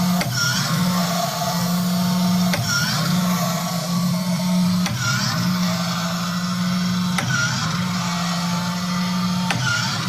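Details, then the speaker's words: Homemade first emergency ventilator, built for the COVID ventilator shortage, tested on a lab spirometer: steady motor hum with a click and swish about every 2.3 seconds, roughly 26 cycles a minute, showing mechanical ventilator cycling. "The following video shows me testing it on our lab spirometer, which is a device for analyzing respiratory airflow."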